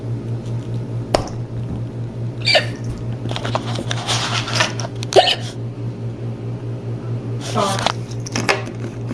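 About five abrupt hiccups in nine seconds over a steady background hum, with some talk between them; ordinary hiccups.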